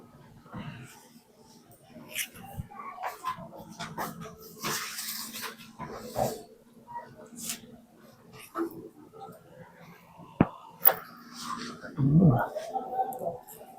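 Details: Loud, sharp joint crack then a softer pop during knee/leg manipulation of a 70-year-old with knee pain and leg weakness, recent pain and past problem since 2023; audible crack during manual adjustment.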